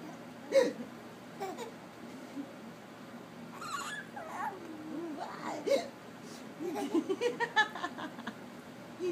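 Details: Baby boy with repeated hiccups, short sharp catches of breath with deep chest movement, between soft noises, babble and laughter at his own hiccups, with adult voices nearby.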